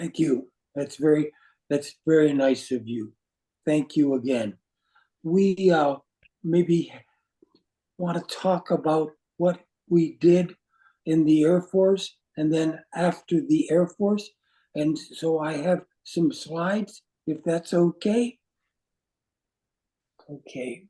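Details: Adult man with aphasia resulting from a stroke; non-fluent speech with difficulty choosing words instantly and finding how to say what he wants.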